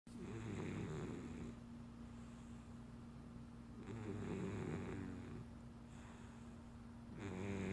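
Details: Cat with giantism or acromegaly snoring asleep under a blanket: soft, rhythmic rattling breaths repeating every few seconds over a steady low hum.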